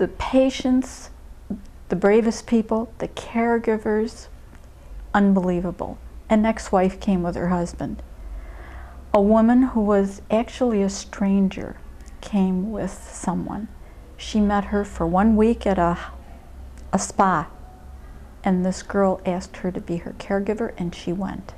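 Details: Adult speaker; ordinary speech.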